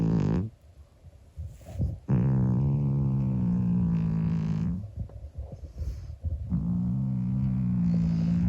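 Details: 25-year-old calico cat sleeping and snoring loudly: long, loud, buzzing low tones on each breath, about three seconds long with short pauses between; snoring.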